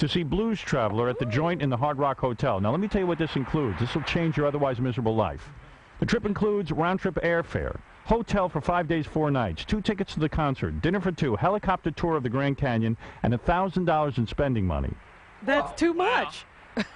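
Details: Adult male host; fluent speech.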